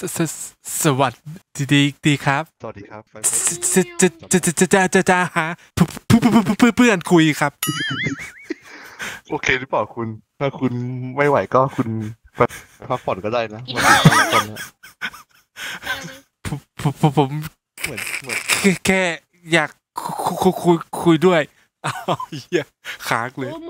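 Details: Acted stuttering: a male player deliberately fakes a stutter while speaking Thai, with repeated words and syllables; imitated stuttering.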